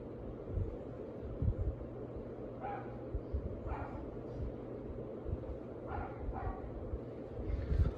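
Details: Tympanic abdominal percussion note.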